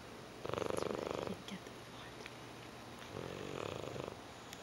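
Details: Rough, rattling, purring snore on each breath about three seconds apart; ordinary snoring in a sleeper said to do this 18 hours a day.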